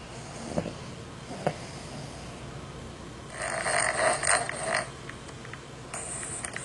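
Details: Snoring.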